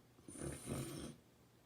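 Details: Airflow velocity sensed in a tube upstream of a subject alternating snoring and not snoring; one rough, rattling, low vibrating snore about a second long in a quiet room; snore inspired breath volume is about one third of normal.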